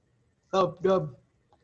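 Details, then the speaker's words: Vocal imitation, not a real recording, of a normal healthy heartbeat as heard through a stethoscope: a man voices two quick syllables, "lub-dub", for one beat. "a healthy heart makes a sound with each beat that sounds like this"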